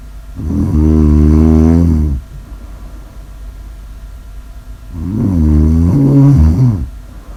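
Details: Snoring: two long, loud, vibrating snores on breaths in, about six seconds apart, with steady background hum.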